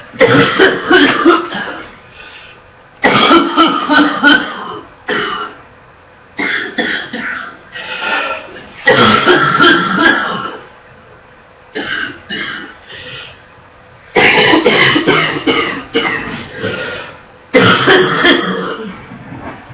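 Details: A girl coughs non-stop, barely catching her breath: bouts of harsh, repeated barking and wet coughing in fast runs with brief gasps, coughing so much she gags.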